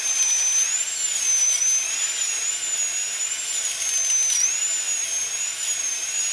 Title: Dentist, Drill - Drilling Teeth Hospital, Medical & Dental Equipment